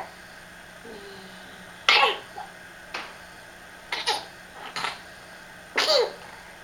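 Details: Child recorded for her doctor during one of her coughing fits at night: several short, dry coughs over a steady background hiss.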